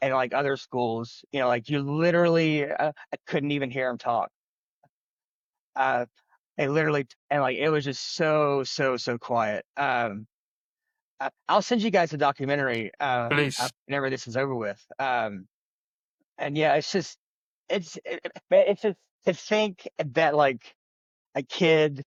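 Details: Adult man who has stuttered since childhood, speaking in an interview; stuttering.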